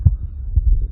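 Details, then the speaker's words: Faint, low, dull thumps of a person's own heartbeat recorded with an Echo stethoscope, about two beats in under a second over a low hum; normal heart sounds. "And we're going to listen to that, press play. As you can notice, you can barely hear the heartbeat, and we're going to fix that by adjusting the frequencies"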